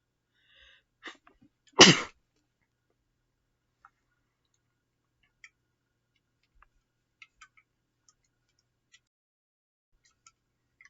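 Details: A single loud, explosive sneeze after a brief intake of breath, then quiet with faint small noises; sneezing.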